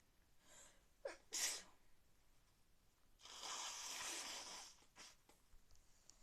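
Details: A person who is sick with a cold: a quick in-breath, a sharp sneeze, then a longer forceful sneeze or nose blow and sniffles; sneezing.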